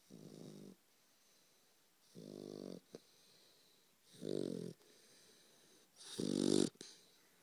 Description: 12 week old bullmastiff snoring